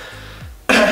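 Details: Adult man whose voice is going, during a skincare routine: soft background music, then a sudden loud, harsh burst of a cough or throat clearing, cut short; cough / throat clearing.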